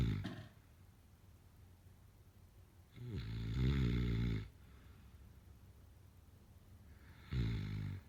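Deep, rumbling snores on slow breaths, about 15 a minute, with quiet gaps between them.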